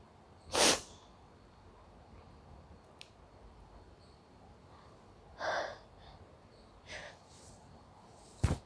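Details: Sneezing during a bay leaf (tej patta) sniffing challenge: two or three sharp sneezes, then softer sniffs and breaths in a quiet room.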